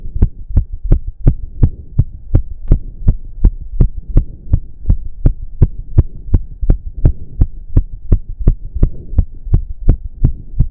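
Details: Male's very fast, regular, pounding heartbeat at roughly 165 bpm over a low hum, with heavy breathing, during a 15-minute intense cardio workout (stated close to 200 bpm); exercise-induced sinus tachycardia.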